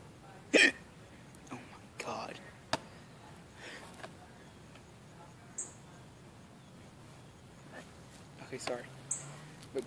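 Several short, sharp hiccup sounds spaced irregularly, with quiet background noise.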